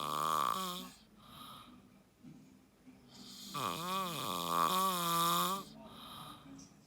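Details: Husband snoring, recorded by his wife: loud, drawn-out voiced snoring with rising and falling pitch between quieter breaths, in a quiet room.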